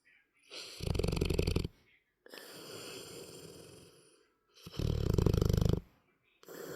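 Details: Nine-month-old sleeping in a contorted position snores loudly on each breath: vibrating, rattling snores alternating with softer airy breaths.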